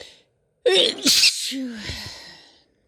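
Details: Single forceful sneeze from a female after a quick catch of breath, trailing into a short voiced sigh; ordinary sneeze.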